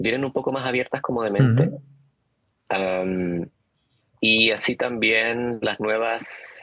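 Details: Adult man who stutters, speaking Spanish; stuttering.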